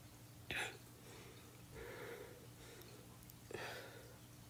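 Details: Girl coughing: two short, soft coughs with a brief breathy sound between them, in a quiet room with low hum.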